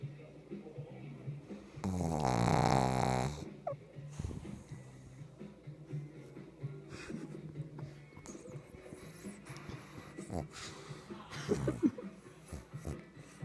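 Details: Female pug snoring in her sleep: one loud, buzzing, rattling snore, then quieter snuffling breaths with faint music behind; snoring.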